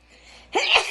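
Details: A single loud, explosive, hissing sneeze after a short indrawn build-up, attributed to allergy; sneezing.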